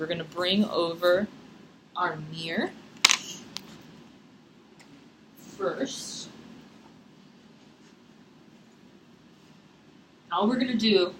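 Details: Adult woman; ordinary speech.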